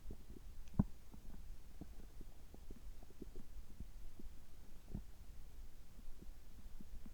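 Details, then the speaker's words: Bowel sounds recorded right after a gastroscopy (upper endoscopy) at a health checkup, with a normal result: soft low gurgles and brief clicks from the abdomen over a steady low hum, ordinary bowel sounds. "ちょっと声が変ですけども、胃カメラ直後の、えお腹の音、胃の様子を聞いていただければ嬉しいです。"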